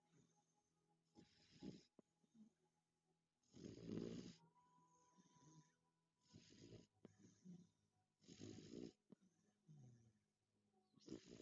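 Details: Sleeping beagle snoring; slow, rough snoring, about six noisy breaths in roughly eleven seconds, some with a fluttering rattle.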